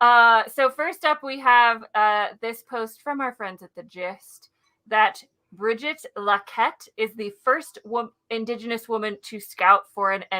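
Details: Adult woman speaking; Normal speech.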